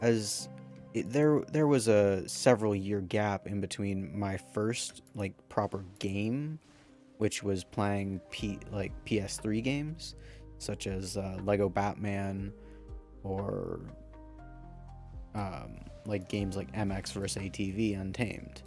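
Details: Male speaker who says his stutter can be heard in this recording and is part of him; stuttering.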